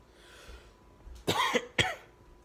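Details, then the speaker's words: Adult man, late at night, with a raw, sore voice after singing that morning and a possible cold: two short, harsh cough bursts with a faint breath beforehand in a quiet room. "I was gonna go to the gym tomorrow but I'm not gonna go to the gym if I'm coughing which is what I'm doing now"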